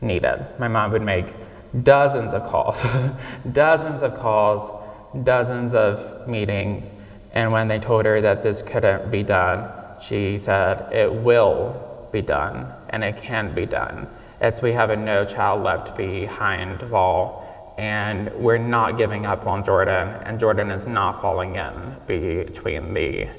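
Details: 26-year-old man with childhood apraxia of speech, nonspeaking until age 5 and diagnosed at age 5; he says it may take him a moment to say what he wants to say; childhood apraxia of speech.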